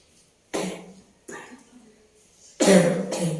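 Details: Woman with a persistent, long-unhealed cough, sleepless the previous night, during a traditional massage: three loose, harsh coughs, the last loudest, in a quiet room.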